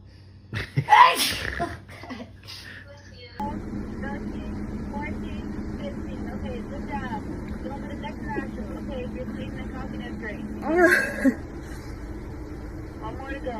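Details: One sharp sneeze early, with a smaller burst near the end, over steady engine noise inside a car; a sneeze reflex set off by a COVID-19 nasal swab test.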